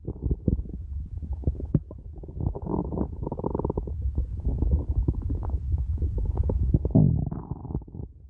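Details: Very hungry person: continuous low rumbling and gurgling growl lasting several seconds; hunger-related stomach growling, normal bowel sounds.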